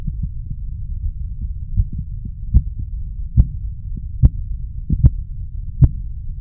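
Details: Korotkoff sounds, the sounds heard while measuring blood pressure; best heard with headphones.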